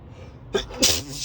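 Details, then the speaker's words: Adult male sneezing repeatedly while driving to work, with snorting between sneezes; allergic sneezing despite daily medication. A short intake, then one sharp, hissing sneeze burst over car noise. "I'm so sneezy driving to work this morning. [snorts] Good thing this isn't a busy highway."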